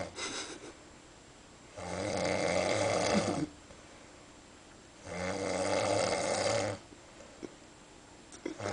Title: Epic Snoring